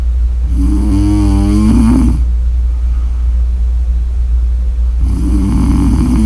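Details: Two loud, vibrating snores with a fluttering tone over a steady low background hum; snoring during sleep.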